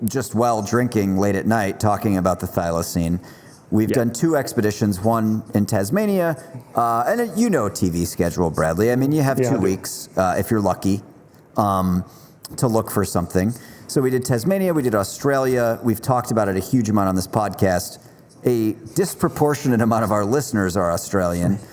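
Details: Adult man speaking; Normal conversational speech.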